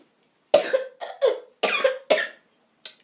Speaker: I just have to cough a lot, guys.